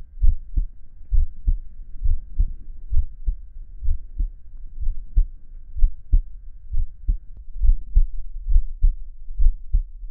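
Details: A chubby, hairy adult man's heartbeat recorded for relaxation ASMR: steady, low paired thumps at about 66 beats a minute with a faint background hum; a normal heartbeat.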